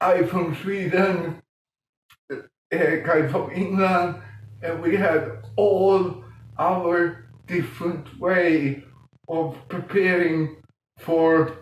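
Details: Adult man with mild cerebral palsy from lack of oxygen at birth in 1958; as a child he talked while breathing in, and says music later helped him breathe differently and talk more intelligibly; dysarthric speech in cerebral palsy.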